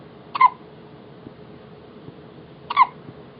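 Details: First hiccups of a 2½-week-old baby girl, who seems startled by them: two brief, high, squeaky hiccups about two and a half seconds apart in a quiet room; normal newborn hiccups.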